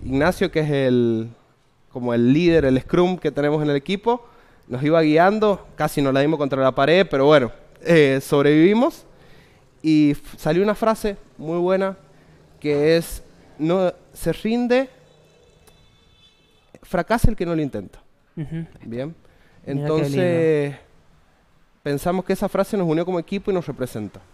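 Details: Young Spanish-speaking man from San Juan, Argentina, who co-created an app for people who stutter, speaking spontaneously in a broadcast interview. Stuttering.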